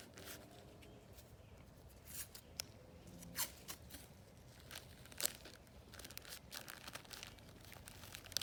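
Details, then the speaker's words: Several sharp tearing and crinkling bursts as medical tape is pulled and applied to secure a chest dressing over a simulated gunshot wound in the centre of the chest, to guard against possible pneumothorax during a trauma assessment demonstration. "so we're gonna do is we're gonna Steve hold it in place and tape it"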